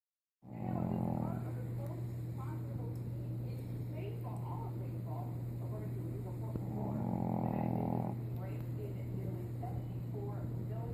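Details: Charlie snoring: two low, rattling snores about seven seconds apart over a steady electrical hum.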